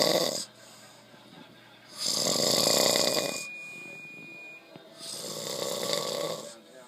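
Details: Snoring from a man sleeping after a long hard day of work: loud, harsh, rasping breaths about every 2.5 seconds, with quieter pauses between them.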